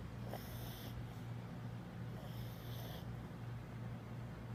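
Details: 11-year-old pug asleep on a hotel bed: two long, raspy snoring breaths over a steady low hum; snoring.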